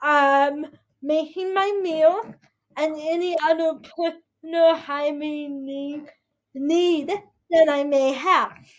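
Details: 22-year-old woman with spastic quadriplegic cerebral palsy affecting her whole body including speech; dysarthria (cerebral palsy).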